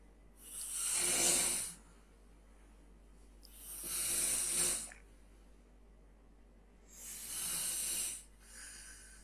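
Three slow, airy, hissing snore breaths about 3 seconds apart, roughly 18 per minute, with quiet pauses between. Sleep snoring.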